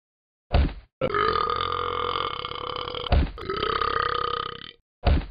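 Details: Several loud, long, deep belches in a row, each a drawn-out throaty eructation with short gaps between, from a person burping while being punched.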